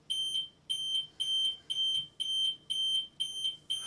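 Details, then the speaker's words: Loud, high electronic alarm ringing in regular bursts about two per second, a Spirit hospital bed exit alarm; its volume can be cycled with the chime button or set to ring only at the nurse station. "Press the chime button to cycle through the alarm's volume settings. When only the nurse icon is lit, the alarm will only ring at the nurse station."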